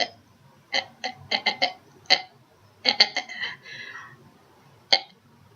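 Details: Vocal tic heard in a pause in speech from a woman with Tourette syndrome.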